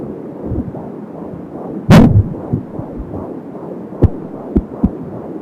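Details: 15 weeks pregnant, first time listening with an Angel Sound fetal Doppler: fast, soft rhythmic whooshing pulses of the fetal heartbeat at about 170 beats a minute; whooshing umbilical cord sounds also heard.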